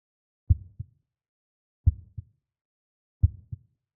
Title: Heartbeat sound